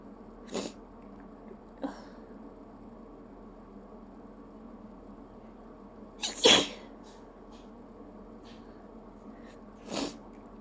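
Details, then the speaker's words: Person with hay fever trying not to sneeze and failing: several short explosive bursts over steady room hum, the loudest in the middle; repeated sneezing. "Believe it or not, this is me trying not to sneeze. Wow. Guess I really have to sneeze today."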